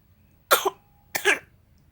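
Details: Small baby coughing: two short, high-pitched coughs with a brief pause between them, in a quiet room.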